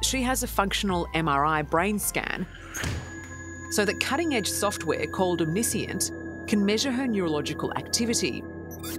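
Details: Adult narrator voiceover; ordinary speech.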